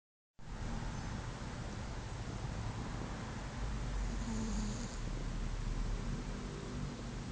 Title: My cat snoring